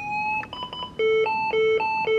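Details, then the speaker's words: Short chirps then a loud alternating two-tone beeping, the charged, ready-to-shock alert of a Physio-Control LifePak 12 defibrillator charged to 200 joules into a test load; a training demonstration, no patient. "once the duillage setting is selected we then press charge which is directly below energy select the unit will charge up to 200 joules"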